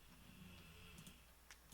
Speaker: you hear so proud of my dog snoring